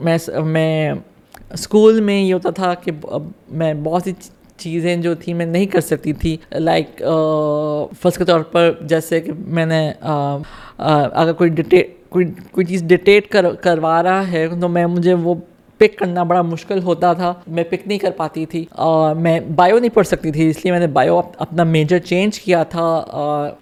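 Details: Stuttering in an adult woman with cerebral palsy from lack of oxygen at birth, right side affected, who has had speech therapy.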